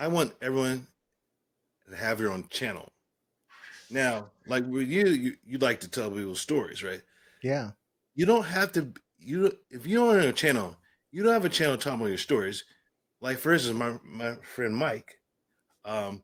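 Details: Adult man with aphasia following a stroke and traumatic brain injury, with a coma; initially unintelligible, he still shows repetitions and word-finding errors.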